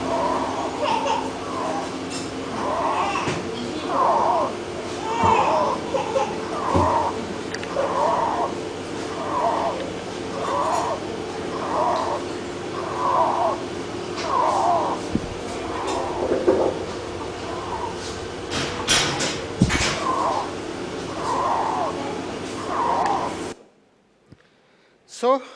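Rapid, labored breathing with a short voiced sound on each breath, about 47 a minute, over ward background noise: acute severe asthma attack.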